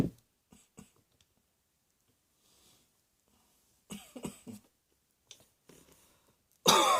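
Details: Cough.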